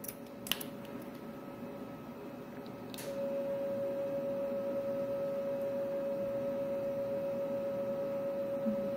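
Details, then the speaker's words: Monopolar electrosurgical unit (Bovie) in coagulation mode, same power as cutting, with little cutting effect: steady electronic tone over room hum with a few faint crackles. "코어글리에서 마찬가지예요 똑같이 이제 별로 잘라지는 기능 없이"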